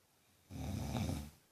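A single deep, rumbling breath sound lasting under a second; loud snoring.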